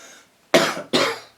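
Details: An adult man who says he is now really sick, after a ruined night and with achy legs and a bad back, gives two sharp, dry cough bursts in quick succession.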